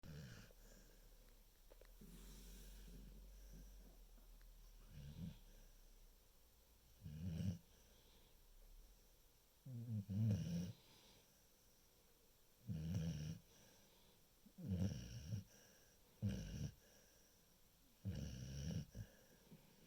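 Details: Sleeping female dog: soft, low snores about every two to three seconds against quiet room noise, likened to an old man's; snoring.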